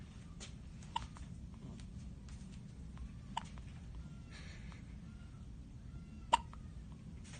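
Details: A one-day-old newborn girl's first hiccups: three brief, sharp hiccup sounds at irregular intervals over quiet room noise.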